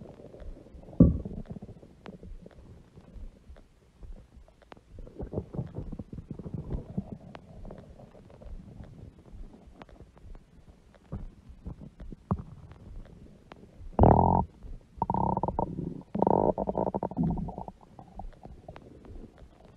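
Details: Woman's huge belly stomach growling: irregular gurgles and rumbles with a few louder, drawn-out growls near the end, bowel sounds of a growling stomach.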